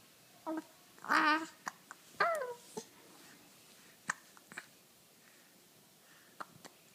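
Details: Baby: soft coos, then small, sharp hiccups repeating irregularly in a quiet room, with smiles; hiccups.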